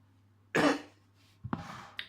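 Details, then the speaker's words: Adult with a cold caught indoors, wheezing and sniffing: two coughs, the first a loud harsh burst, the second shorter, in a quiet room; cough. "as you can hear I'm bit wheezing and sniffing and that's because I caught a cold and not because I was outside but I caught it inside"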